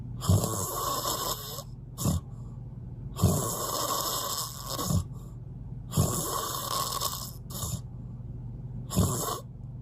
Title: Even the loudest snoring couldn't stop me from sleeping well😂🤪 #snoring